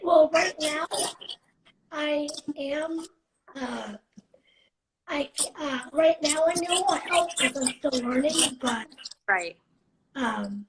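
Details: 17-year-old living with cerebral palsy, speaking spontaneously in a live interview; speech in cerebral palsy (possible dysarthria).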